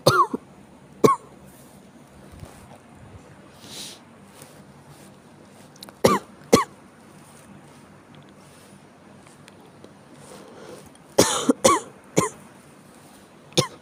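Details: Person with chills and cough: several short, sharp dry coughs in scattered single bursts and pairs, with quiet breathing between; acute cough.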